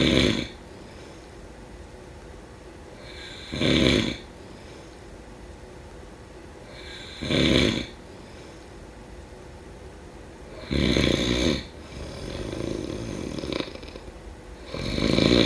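Loud rough snores recur about every 3 to 4 seconds, roughly 16 a minute, with quiet breathing gaps between: ordinary sleep snoring.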